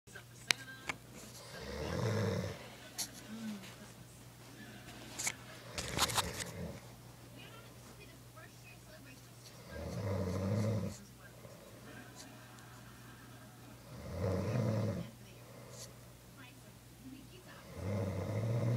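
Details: Snoring from a sleeper, described as really annoying: low, rumbling snores recurring about every four seconds over a steady background hum.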